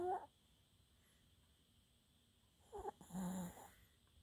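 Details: Snoring in a sleeping small Maltese dog named Max, suspected sleep apnea: short snorting snores separated by silent pauses of a couple of seconds.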